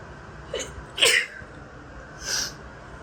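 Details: Allergy sneezes in the shower, set off by a strongly scented new body wash: three quick, sharp, hissy sneezes in a row.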